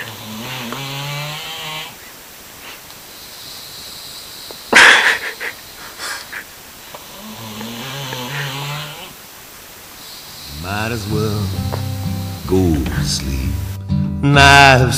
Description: Honestly - this is how loudly he was snoring after a particularly grueling romp at Lick Creek Park with his cousins.